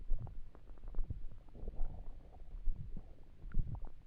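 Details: Stomach rumbling (borborygmi) while trying to sleep with an empty stomach: low gurgling and rumbling bursts of hunger.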